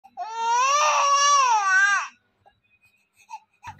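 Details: A single sustained, wailing infant cry lasting about two seconds, then quiet: a baby crying out while asleep.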